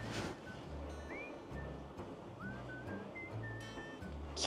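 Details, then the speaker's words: Adult man's own heartbeat tested on a home fetal Doppler with gel applied, before trying on his wife pregnant with twins at 12 weeks; regular whooshing thumps about 70 a minute with faint background tones. "いやすごいなやっぱこれジェルをすることでこんなにうん水液体に多分こう振動が反応するああだからジェルしないと全然わからんかったな"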